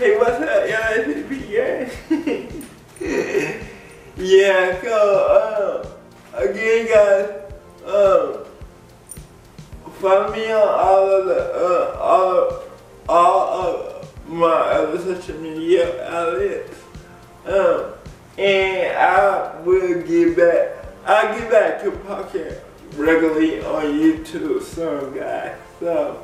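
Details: Dysarthric speech in an adult man with cerebral palsy; people have laughed at the way he talks since childhood. Cerebral palsy is named, but no speech disorder is formally named.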